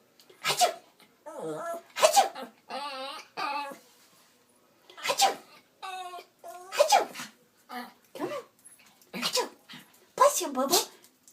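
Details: Yorkie dog sneezing on command while its owner coaxes it: several short, sharp sneezes from a small dog, with the person's coaxing voice between them.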